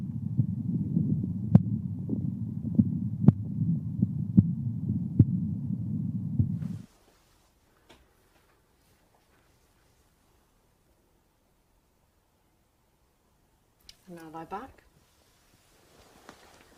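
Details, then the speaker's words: Elderly man with aortic stenosis, rate-controlled AF, low-volume pulse, normal JVP and apex: high-pitched, loud ejection systolic murmur, heard sitting forward with breath-holding, then during deep mouth breathing. "Mr. Dono is an elderly gentleman with signs of aortic stenosis."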